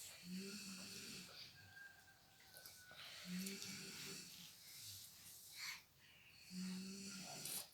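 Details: Sleeping mother snoring: regular droning snores about every three seconds, near 19 breaths a minute, with a baby's noises and room sounds in the background.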